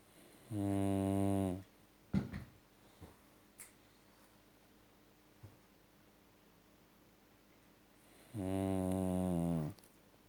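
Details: Sleeping dog snoring: two long, loud, buzzing snores about eight seconds apart, with soft rustles between.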